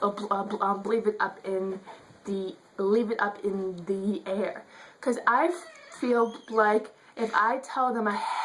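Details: Adult woman who states she stutters; stuttering.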